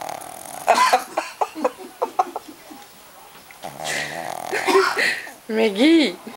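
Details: A noisy Shih Tzu dog snoring.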